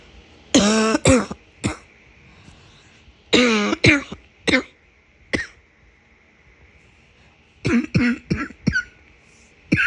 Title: Another barking cough